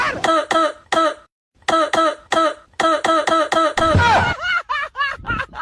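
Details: A rapid run of short, strongly voiced cough-like bursts, acted as an uncle's cough in a comedy sketch, not a genuine cough.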